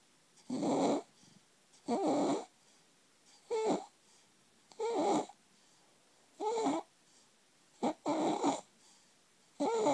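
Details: 4-month-old infant with laryngomalacia: harsh, squeaky, vibrating inspiratory stridor with each breath in, about 42 breaths a minute.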